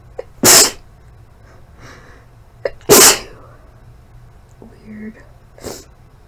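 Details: Deliberately induced sneezes after a month of rarely inducing: two loud sneezes a couple of seconds apart, each with a sharp in-breath before, then sniffing.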